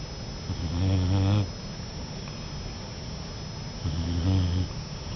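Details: Two low, rumbling, fluttering snores on inhalation, separated by a pause of a few seconds, from a Boxer puppy napping, with faint room hiss.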